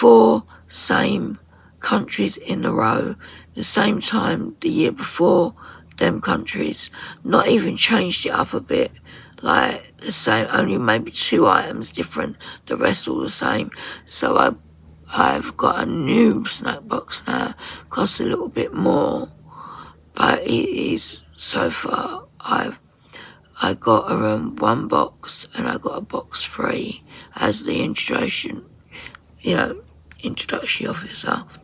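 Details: 57-year-old woman with voice dysphonia from very tight, stressed laryngeal muscles, beginning after COVID pneumonia and also affecting swallowing; ENT found mucus and a laryngeal infection; in speech therapy; voice distorted, sometimes lost; muscle tension dysphonia.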